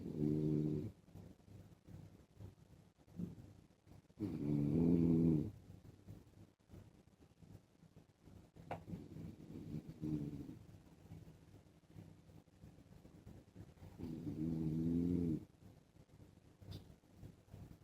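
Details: Husband snoring in sleep while wearing a mask: loud, rough, low-pitched snores on each in-breath, about three in 17 seconds, with quieter breathing between.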